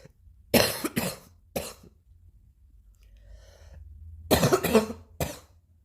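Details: New cough: two bursts of three harsh coughs each, six in all, separated by a quiet pause, with faint background noise.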